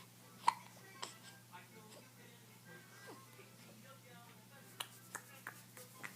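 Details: Hiccups in a 7-week-old infant girl: brief sharp hiccup sounds recurring every few seconds over a steady background hum.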